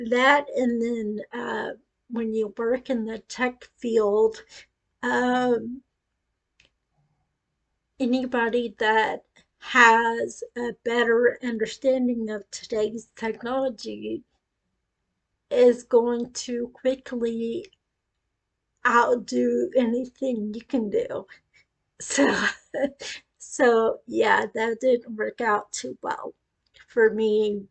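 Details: Ataxic dysarthria in a woman with acquired cerebellar ataxia following a brain tumor at age 18; initially told non-progressive, now deteriorating, with speech affected.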